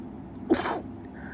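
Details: A late-night sneeze from a person with allergies who cannot stop sneezing, trying to hold the sneezes back, with an itchy nose and a sore throat from holding them in.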